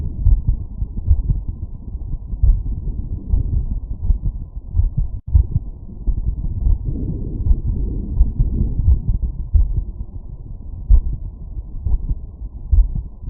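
Regular stethoscope heartbeat at about 80 a minute over the aortic area after exertion, with heavy rumbling noise.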